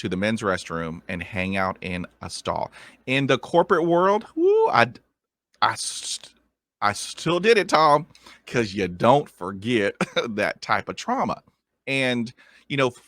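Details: Adult man who stutters; a sound repetition occurs in this clip.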